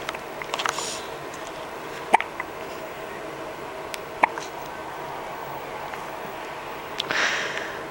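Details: Hiccups: short, sharp clicking hiccup sounds a few seconds apart, irregular, over room noise.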